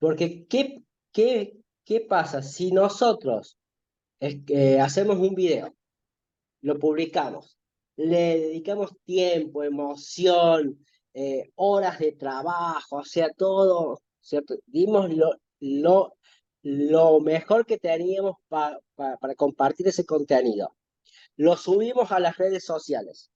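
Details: Stuttering with word repetitions in a Spanish-speaking man who links it to difficulty talking with friends and parents since childhood.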